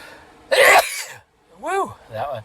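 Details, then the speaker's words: One loud explosive sneeze with brief voiced sounds after, during a run of sneezes; the sneezer says it blew out mucus and the right nostril is burning; ordinary sneeze. "oh that was that one had P that blew some that blew some snot oh my Lord uh the right nostrils burning this time"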